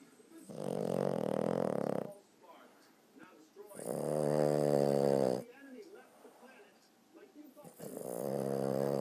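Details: Sleeping dog snoring while twitching: loud, rough, rattling snores on the in-breath every three to four seconds, with quieter out-breaths between.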